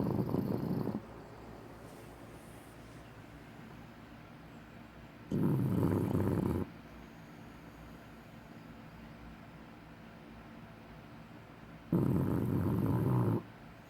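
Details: Bulldog snoring with eyes open: three slow, low, rattling snores on breathing in, about one every six seconds, with quiet pauses between.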